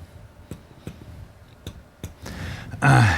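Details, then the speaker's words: Direct percussion of the chest wall with a reflex hammer: several separate dull taps in a quiet room, then a burst of noise; normal resonance expected over air-filled lung. "The normal sound we get back from percussion is called resonance. This is the sound of an airfilled lung underneath the uh chest wall."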